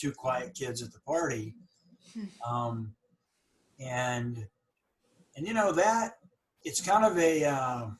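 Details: Adult woman who stutters, recalling high school speeches; attended a stuttering conference in 2010 and later had more speech therapy; stuttering.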